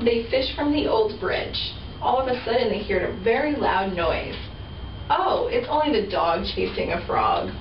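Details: Adult woman reading aloud; normal adult speech.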